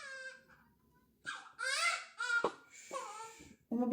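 High-pitched, shrill newborn cries in short bursts with brief pauses between them, in a small room; ordinary newborn crying during bathing.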